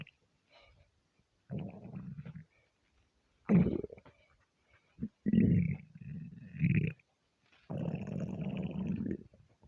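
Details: Aggressive stomach rumbles, half hungry and half gassy from eating too much: several loud, low, gurgling rumbles lasting a second or more each; borborygmi.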